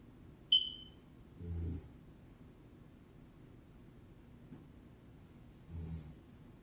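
Two hissy snoring breaths about four seconds apart, each with a low rumble under a high whistling, airy noise, plus one brief high squeak.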